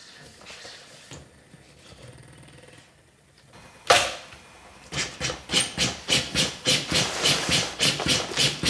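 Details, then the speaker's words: Steady rhythmic thumping at about 105 per minute from a corpuls cpr mechanical chest compression device on a training manikin, after a brief pause, during the 4-step application approach. "Verena, when you are ready, I will ask you to stop the compressions."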